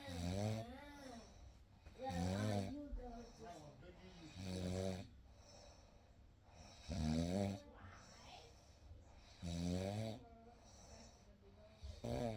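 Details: Real night recording of sleep snoring: rhythmic, gentle low rumbling snores every two to three seconds in a quiet room; ordinary sleep snoring.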